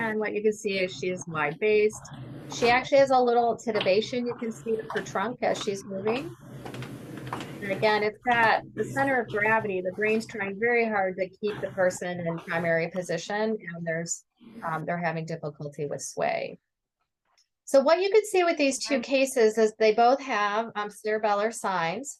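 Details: Adult female speaker; normal speech.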